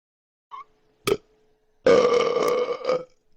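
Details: Deliberate loud burp by a man in a burping contest who says he is bloated: a short click and gulp, then one long, loud, drawn-out belch lasting over a second.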